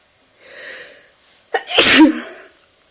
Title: Sneezing because I felt like it